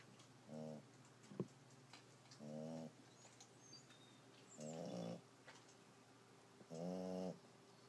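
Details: Squeaky, whistling snores from a small animal, one with each breath at about 28 a minute, over light room noise.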